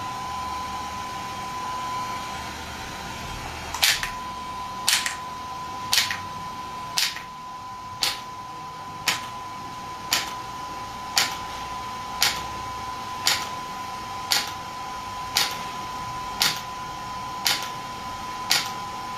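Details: Shockwave therapy device firing sharp, regular clicking pulses at about 57 a minute over a steady hum and faint tone, during a treatment session.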